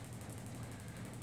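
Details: Gymna Shockmaster 300 extracorporeal shockwave at 2–2.5 bar, 12 Hz, 2000 shocks, 15 mm convex head with gel, over the tibial tubercle of a skeletally mature knee with Osgood-Schlatter disease: rapid steady mechanical tapping, about twelve pulses a second.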